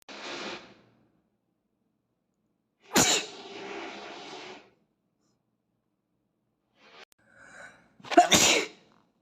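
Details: Young Asian male, sneeze compilation: three separate sneezes, each a quick intake followed by a sharp explosive burst of air, ordinary sneezing.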